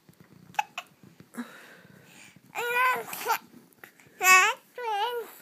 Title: Hiccups and babbling